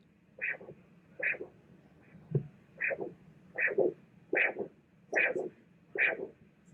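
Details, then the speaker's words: Lower limb arterial Doppler, handheld without monitor: regular pulsing whooshes at about 75 a minute, each beat in three parts (forward, reverse, forward flow), a normal triphasic signal indicating no stenosis or obstruction. "And what this triphasic sound indicates is normal flow. This is the sound you want to be hearing. It means no stenosis and no obstruction."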